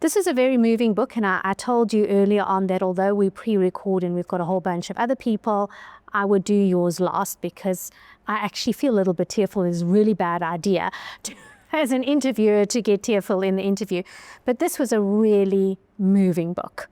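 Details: Adult woman speaking; Normal speech.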